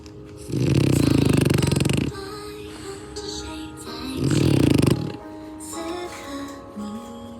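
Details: A sleeping bulldog beside a parrot gives two loud, rattling snores, each over a second long, with music playing throughout; snoring.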